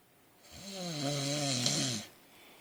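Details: Adult man asleep gives a single loud, rattling snore on a breath in, with a buzzing low tone and hissing upper edge; snoring.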